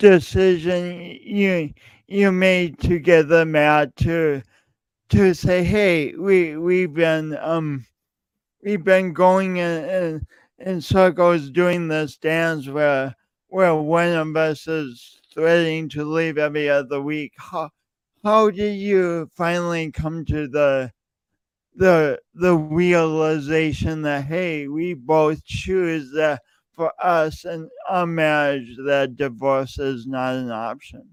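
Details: Male podcast host who says his speech impediment is audible every time he speaks; part-word and word repetitions; stuttering.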